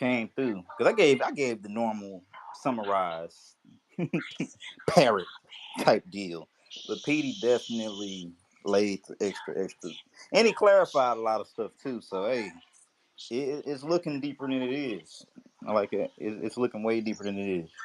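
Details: Adult male speaker; ordinary conversational speech.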